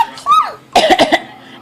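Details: Child deliberately fake-coughing: a brief voiced sound, then four quick, deliberate cough bursts, an imitated voluntary cough.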